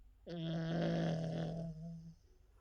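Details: King Charles Cavalier puppy dreaming and snoring in sleep: one drawn-out, steady-pitched snoring groan lasting about two seconds, then quiet.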